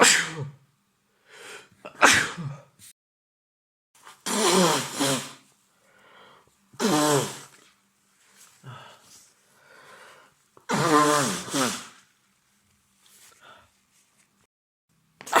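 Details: Sneezing from an adult male with a cold that began the day before, very congested with an itchy nose, unable to sleep at night (scenario): a series of voiced, uncontrollable sneezes with short inhaled catches, several bursts in about fifteen seconds.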